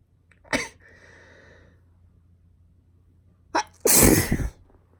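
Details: Girl sneezing, from a sneezing compilation: two sudden explosive sneezes, the second louder and preceded by a quick intake of breath, in a quiet room.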